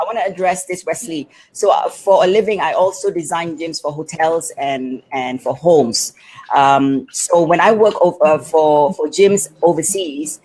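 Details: Adult woman speaking; typical speech.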